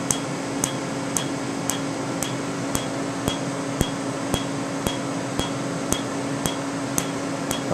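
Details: Candela TriVantage Q-switched laser tattoo removal, 755 nm alexandrite for green ink and 532 nm YAG for red, on a faint tattoo; sharp, regular snapping pulses, about 113 a minute, over a steady machine hum.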